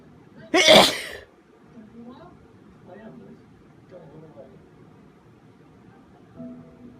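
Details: Person on the worst day of a cold sneezing into a handkerchief, some sneezes uncovered: a single loud, sharp sneeze, then quiet room noise with faint background sounds; sneeze.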